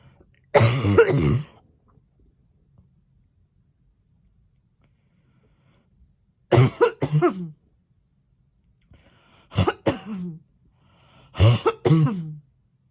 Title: Coughing 2021